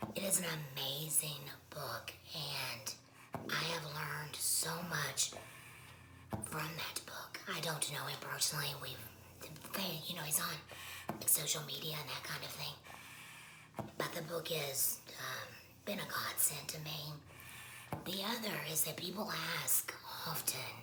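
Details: Adult speaker with laryngectomy; tracheoesophageal speech.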